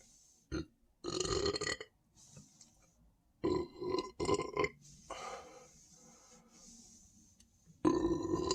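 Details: Person standing and drinking more Sprite, stomach feeling very full and tight: several loud, drawn-out belches with short pauses between them.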